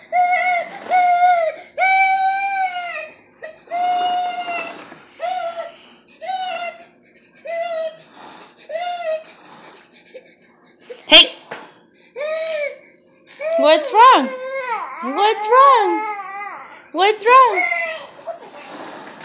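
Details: Repeated short crying bursts building to louder wails with sobbing catches from a 7-month-old boy running away: an ordinary distress cry.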